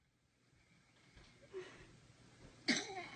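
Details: Baby's first big sneeze: a soft indrawn breath followed by one small, sharp sneeze burst.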